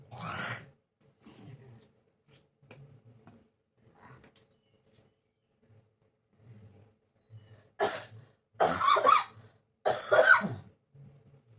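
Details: Persistent dry-sounding cough lasting many days, which the person blames on hot-cold weather changes and is taking medicine for: one cough, soft throat sounds, then three harsh coughs close together.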